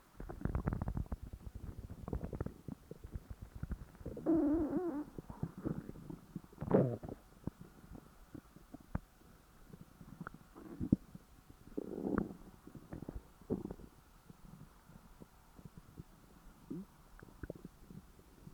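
Low gurgling rumbles and irregular bubbling pops from the belly after a large meal; ordinary stomach growling.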